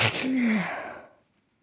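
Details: A single sharp, explosive sneeze with a voiced 'choo' that trails off into quiet.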